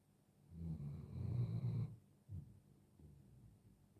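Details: Five-year-old Doberman named Kelos snoring while asleep; real, unedited recording; snoring.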